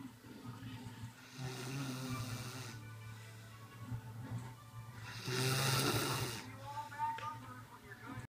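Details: Adult sleeping after a 13-hour night shift, with two long, rough snoring breaths about four seconds apart over faint music or television.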